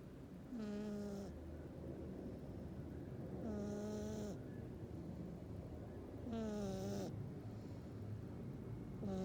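Humming, whistling snores from a sleeping cat, about 22 a minute, over steady room noise; harmless snoring.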